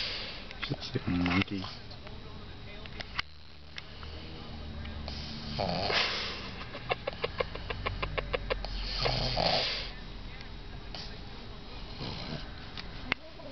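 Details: Pregnant pug napping on a lap, snoring with snorting, rattling breath sounds, sniffs and clicks.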